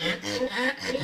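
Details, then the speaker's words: A dog's harsh, high-pitched stridor from an obstructed upper airway, shown in the context of brachycephalic obstructive airway syndrome (BOAS); if heard at rest without exercise, this indicates grade 3 BOAS. "Now this is stridor. This is a high pitched sound."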